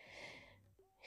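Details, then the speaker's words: Brief, noisy, hissing breath with a low snorting buzz partway through from Teddy, a sleeping pet who is always snoring; snoring. "always snoring whenever whenever I do a voice over and I say that at 10 I'm with Teddy and he's snoring"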